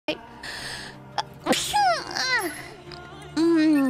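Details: A female streamer sneezing during a live stream: a single sharp sneeze burst, followed by high-pitched vocal sounds; ordinary sneezing.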